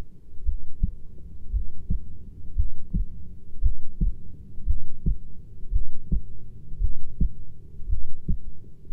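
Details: Adult heartbeat from a 20-minute recording: steady, regular low thumping in paired beats at a slow resting rate of about 56 a minute, over a faint low hum.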